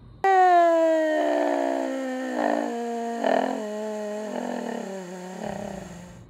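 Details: Vocal fold paresis: air leak, then double pitch; breathiness and diplophonia.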